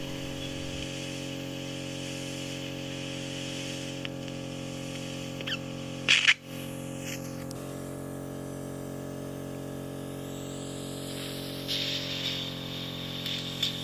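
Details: Ear wax microsuction in one ear of a bedbound woman in her 90s whose ears were completely blocked. The ear was oiled and treated with eardrops, leaving soft, gloopy wax and thick white keratin. A steady high suction hiss with louder slurps and crackles marks a thin layer peeling backwards.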